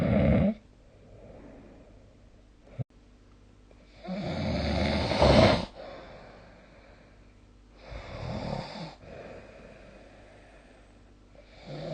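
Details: Snoring recorded with the SnoreLab app: loud, rough snores on slow breaths in, about 12 a minute, with quiet pauses between; heavy snoring.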